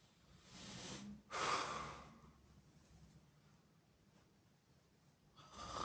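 Loud rough breaths with a harsh snorting intake, then a long quiet pause; noisy snoring.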